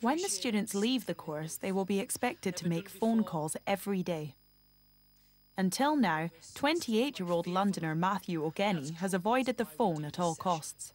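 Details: Adult female narrator; normal speech.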